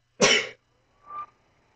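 One sharp, explosive burst of air followed by a softer trailing breath, a single sneeze.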